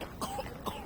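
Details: Child with a cough in cold weather, coughing outdoors during an evening walk.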